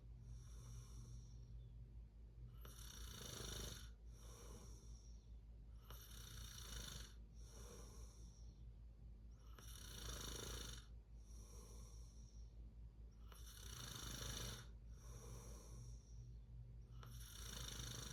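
Rhythmic rattling snores with breathy inhalations, about twelve breaths a minute, over a low steady room hum.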